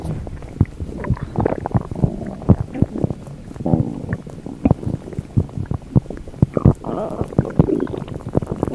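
Continuous low gurgling and bubbling with frequent sharp pops and squelches throughout, typical loud stomach rumbling (borborygmi).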